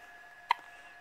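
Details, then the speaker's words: Hiccups in a baby just after feeding ("milk drunk"), with hiccups recurring: a single short, sharp hiccup over a faint steady hum. "your hiccups done she says no no more hiccups no she's got them oh there they are oh"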